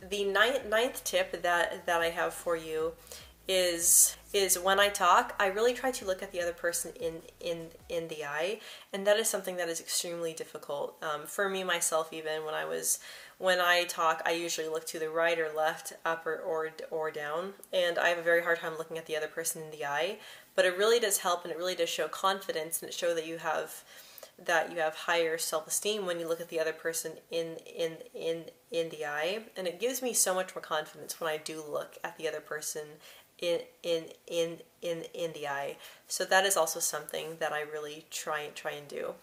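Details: Adult woman who describes herself as a person who stutters, with frequent word and part-word repetitions and blocks mentioned; stuttering.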